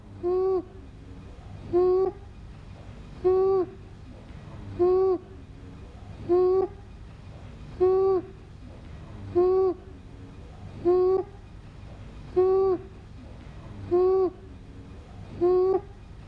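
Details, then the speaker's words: Child assessed for stridor, breathing about 40 a minute, with a harsh, high-pitched crowing noise on each breath in, judged to have stridor; inspiratory stridor. "we heard a harsh noise when was breathing in therefore we decided that does have stridor"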